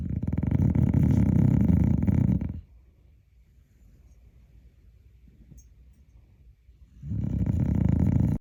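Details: Dog snoring like a hog: loud, deep rattling snore on two breaths, each about two to three seconds, separated by a quiet pause.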